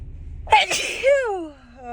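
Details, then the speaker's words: Woman's sneezing fit while on the drive home; she is stuffed up and unsure whether she is getting a cold. Single forceful sneeze: short voiced intake, sharp explosive burst, then a falling voiced tail. "oh excuse me oh excuse me I have to sneeze again oh wow oh God oh my God I just can't stop"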